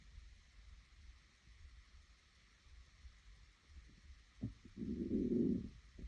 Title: Hungry Stomach growling 2